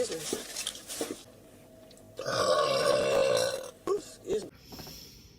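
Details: Girl burping during a mukbang eating session: a long, loud, drawn-out burp, with brief short burps and faint talk around it.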